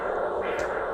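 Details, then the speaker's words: A handheld Doppler over a free flap perforator artery during surgery: a single pulsatile whooshing arterial swell over a steady rushing hum of nearby venous flow between beats: Doppler arterial pulse with venous hum. "In this video, you can hear the pulsatile sound of the artery. But if you listen in the background between the pulsatile beats of the artery, you can also hear the constant sound of a nearby vein blood flow."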